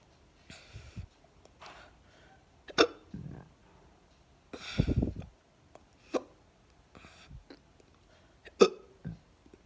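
Three sharp, abrupt hiccup sounds in about ten seconds, each a sudden catch with a brief voiced burst, over quiet breathing; typical hiccups.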